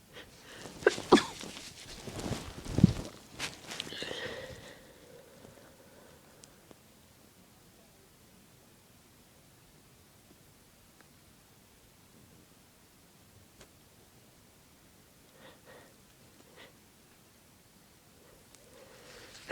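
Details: Induced sneezing: a burst of loud sneezes and sniffing at the start, then a long quiet stretch with a few faint nose sounds; sneezing.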